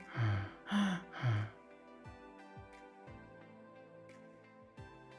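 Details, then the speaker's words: Three quick, short, noisy gasping breaths from an airplane passenger with a nut allergy who became short of breath after eating cookies with nuts: tachypnea from airway obstruction. "this is rapid breathing or tachypnea as you can see the tidal waves are rapid and short because the airway is obstructed the patient is gasping for air in rapid short breaths"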